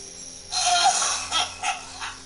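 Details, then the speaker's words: Adult grandfather with lung problems coughing in the background: one long harsh burst followed by three shorter coughs. "Sorry if y'all hear the coughing in the background. Oh my gosh."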